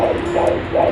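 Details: Fetal heartbeat found with a Kimo fetal Doppler on the mother's own abdomen at home: rapid rhythmic whooshing over a steady hum, about 150 beats a minute, read as normal.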